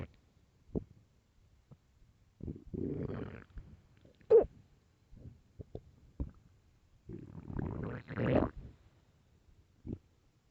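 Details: Loud hungry stomach growls: low gurgling rumbles and squelches in a quiet room; normal hunger borborygmi.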